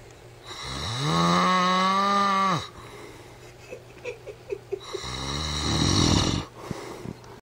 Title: My husband snoring like a farm animal